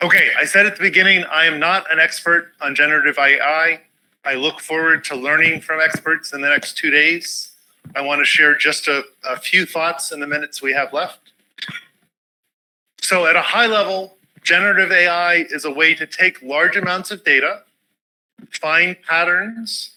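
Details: Adult man; normal speech.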